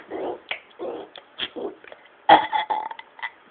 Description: THIS LITTLE GIRL IS BURPING AND ALMOST THREW UP!...